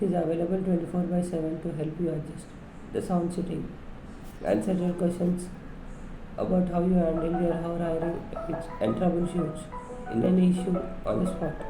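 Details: Young male patient with puberphonia in a voice-therapy assessment, reading English text aloud; he reports his voice comes out thin when reading. Puberphonia (high-pitched voice).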